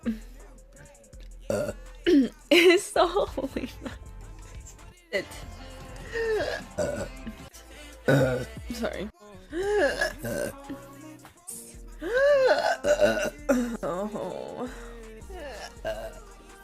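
Repeated voiced belches mixed with brief talk over background music; frequent burping.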